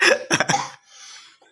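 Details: Coughing during a traditional massage therapy (pijat) session: three short, harsh, dry cough bursts in quick succession, then quiet room noise.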